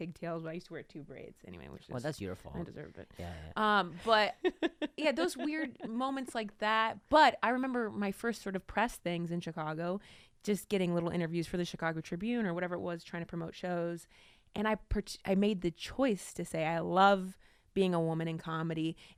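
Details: Adult woman; ordinary speech.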